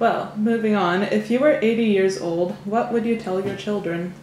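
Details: Adult woman speaking; normal voice.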